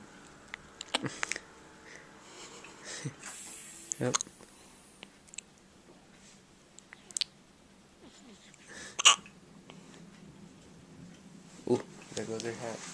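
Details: Baby girl in hospital with hiccups, possibly hungry: several short, abrupt hiccup sounds at irregular intervals in a quiet room, with soft baby noises in between.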